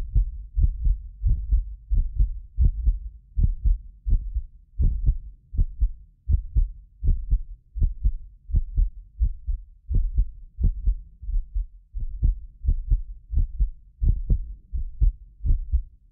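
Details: Heartbeat of a self-described medically fit person, recorded with more than six precision contact microphones; steady low lub-dub thumps, occasional doubled clicks from the roughly 6 ms microphone delay, not the heart; normal heart sounds.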